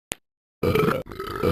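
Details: Simulated sound from animated cartoon character Talking Ben: a short click, then a long, low, rough belch.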